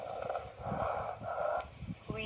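Continuous musical, whistling tones repeat with each breath over a faint background hum, typical of wheezes, an added breath sound.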